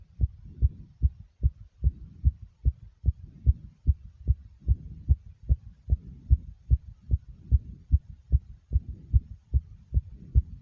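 Fast, steady, regular low thumping heartbeat with soft rumbling between beats; a quick heart rate after exercise, a normal response.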